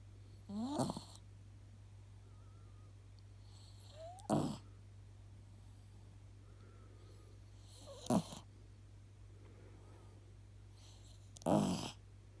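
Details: A sleeping pet held in its owner's arms gives four short, soft, raspy snorts several seconds apart (about 18 a minute) over a steady low hum: light snoring.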